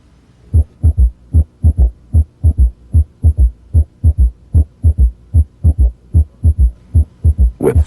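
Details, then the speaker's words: Teaching example of what an S3 would sound like: bell placed lightly at the apical impulse, patient rolled partway onto the left side; regular heartbeat near 75 a minute with a soft extra thud after S2 that disappears with firmer bell pressure: third heart sound (S3) gallop. "if the patient had inaudible s3 it would sound like this now notice how the third heart sound disappears when the Bell is placed more firmly on the chest wall"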